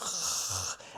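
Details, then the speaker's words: Imitated snoring demonstrating obstructive sleep apnea, where relaxed, floppy throat tissues vibrate and narrow or block the airway during sleep. "So, what can happen when people are sleeping is first of all, they can snore because you get the vibrations from all those floppy things. So, it sounds a bit like"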